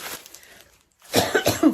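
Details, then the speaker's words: Adult woman, still ill and unable to sleep, coughing: a quiet throat sound, a pause, then a burst of about three harsh coughs. Cough. "O vídeo vai ser a maior parte do vídeo tossindo."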